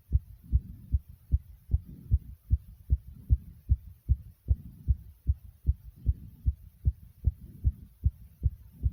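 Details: Rapid, regular heartbeat at about 150 beats a minute recorded right after almost 60 jumping jacks: sinus tachycardia after exercise.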